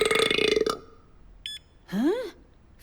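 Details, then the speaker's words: A person drinks a glass of water and tries to break the 112-decibel loudest-burp world record: a loud, sustained burp, then a brief beep and a short rising whoop; a belch. "Hallo, ik ben en dit wereldrecord ga ik nu verbreken. Ik ga dan nu mijn glas vullen met water. Oké, there we go. Pas op, Neville, hier komt hij."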